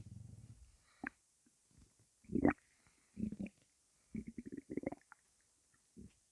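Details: Irregular gurgling and bubbling bursts with quiet gaps, said to be just gas: stomach rumbling (borborygmi) from gas moving through the gut.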